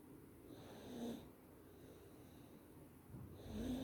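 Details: Sleeping baby snoring: soft, low, rattly noises with each breath over two breathing cycles; gentle snoring.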